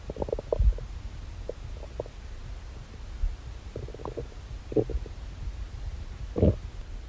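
Irregular low gurgles and short bubbling rumbles from the abdomen: ordinary bowel sounds.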